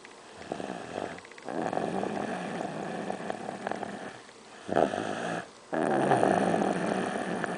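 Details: A child, who claims he doesn't snore, is caught snoring.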